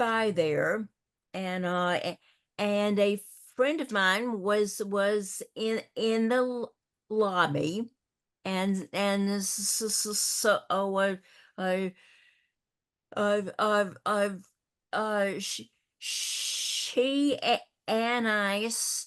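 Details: Older adult woman who stutters and also has a paralyzed vocal cord: stuttering.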